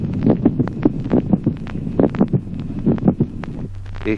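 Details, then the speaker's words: Teaching example of a mid-systolic click: regular heart sounds near 70 a minute, with a brief extra click about midway through systole, between the first and second sounds. "ejemplo séptimo clic mesosistólico Aproximadamente en la mitad de la sístole un ruido adicional breve"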